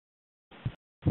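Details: Aortic regurgitation heard by stethoscope auscultation, a leaky aortic valve that does not close tightly: low heart sounds with a soft blowing murmur.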